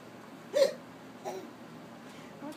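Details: Two or three abrupt, short catching sounds over low room noise from an infant with hiccups who is laughing at his own hiccups.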